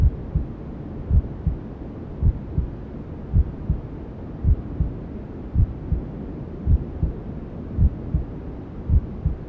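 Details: Simulated ASMR womb sound for settling newborns: steady, muffled double thumps at about 54 beats a minute, imitating a mother's heartbeat heard from the womb, over constant low whooshing white noise.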